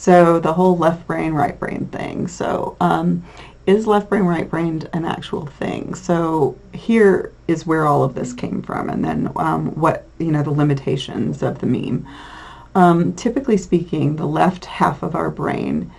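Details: Adult lecturer; normal speech.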